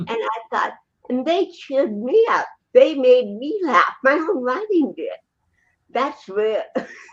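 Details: Adult woman with congenital dysarthria from cerebral palsy, born with the condition in 1956; real, spontaneous speech; finding: dysarthria (cerebral palsy).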